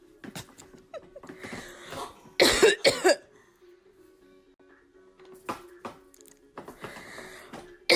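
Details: A 29-year-old mother coughing deliberately and repeatedly behind her toddler daughter of almost two, who turns to glare each time: a few sharp, loud cough bursts over soft background music and room noise.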